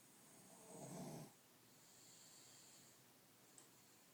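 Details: Dog snoring normally in sleep: a single soft, rumbling snore on one breath, then quiet breathing against a low hiss of room noise.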